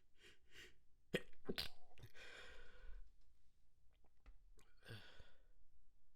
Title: Stifled Sneeze Fit, Wet Sniffles, and Noseblow